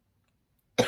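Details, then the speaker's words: An adult woman, who says lingering bronchitis is tickling her throat and waking her bronchi, gives a single abrupt cough after near silence; the cough is cut off at the end. "En plus, j'ai des vieux rêves de bronchite qui sont encore là. Donc, ça me chatouille la gorge et du coup, ça réveille les bronches."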